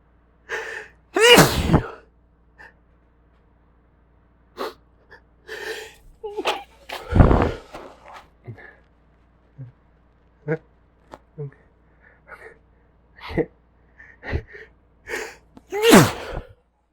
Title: A few messy sneezes